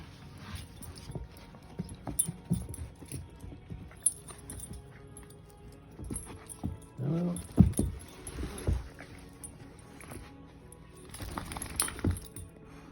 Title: Wrestling puppy - it starts with a kiss and ends with a sneeze.